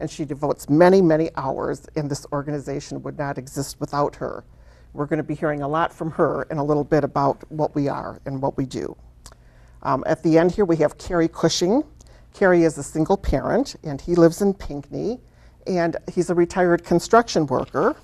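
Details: Adult woman speaking; normal speech.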